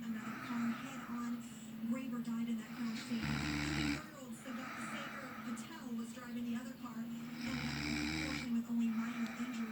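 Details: Woman snoring: low rattling snores on two breaths, with television news talk in the background.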